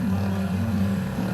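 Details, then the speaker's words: Hypervolt percussion massage gun run on a patient's muscles to relax them before a chiropractic adjustment: steady low buzzing motor hum with rapid pulsing taps. "So that's why this hypervolt just kind of helps just to relax the muscle before we get the patient adjusted here."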